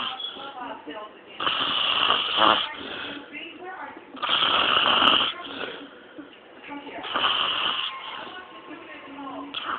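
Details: Loud, harsh, rattling snores about every three seconds, with quieter breathing between, from a man sleeping with mouth wide open; heavy snoring.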